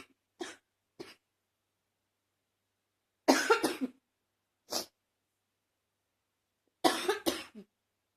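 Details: Congested cough.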